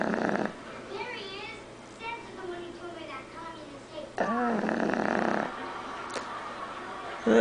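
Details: Boston Terrier asleep with a bone in her mouth after playing; snorting, rattling breath sounds with squeaky whistling between, over quiet room noise; snoring in a flat-faced dog.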